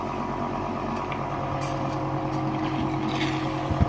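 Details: Electric suction machine for tracheostomy/endotracheal suctioning running at normal speed: steady motor hum with low drone and faint hiss; electric suction machine running.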